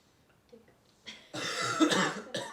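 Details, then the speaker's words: A few forceful voluntary coughs after 2–3 nose-in, mouth-out breaths, taken with no breath in between, a true cough rather than throat clearing: a deep-breathing and coughing exercise demonstrated in a lab skills session. "You're going to inhale through your nose, exhale through your mouth 2 or 3 times, and then let out 3 forceful coughs without taking a breath in between."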